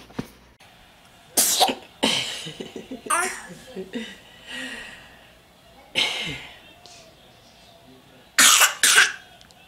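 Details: Repeated sneezes from an infant girl: several short, sharp bursts of air with small voiced sounds and babbling between them.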